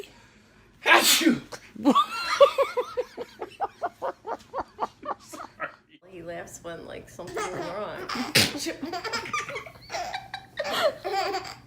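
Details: Infant: one sharp sneeze followed by giggling laughter and adult voices; an ordinary sneeze.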